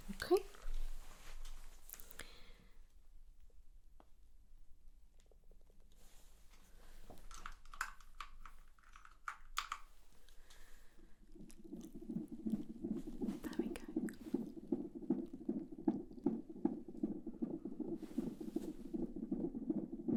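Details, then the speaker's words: Fetal heartbeat on Doppler in a simulated roleplay midwife check a few weeks after the 12-week scan; after handling clicks comes a rapid, whooshing pulse of about 155 bpm. Heartbeat and fluid judged good, no concerns. "Heartbeat sounds amazing. Heartbeat and fluid sound good. No concerns."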